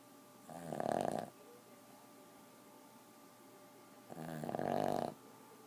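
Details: Snoring in a sleeping 4-year-old Boston terrier: two buzzy, rattling in-breath snores in 5.7 seconds over a steady room hum.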